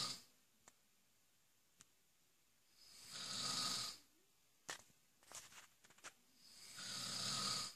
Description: This guy is king of snoring